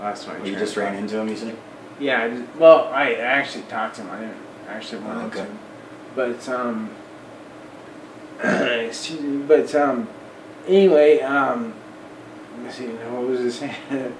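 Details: Man almost 40 with Friedreich's ataxia, a recessively inherited, progressive, degenerative neuromuscular disorder with early onset in childhood; uses a wheelchair; ataxic dysarthria.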